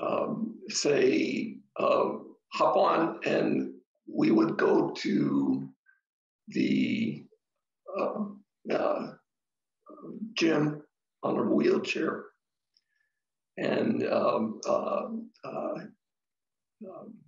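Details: Adult man, stroke survivor: ischemic stroke treated with TPA, which then caused a hemorrhagic stroke; speaks haltingly with long pauses; aphasia with brain fog.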